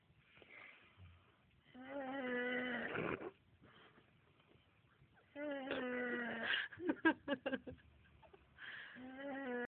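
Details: Snoring: repeated buzzing, tonal breaths about every three seconds, with snorting at the end of one.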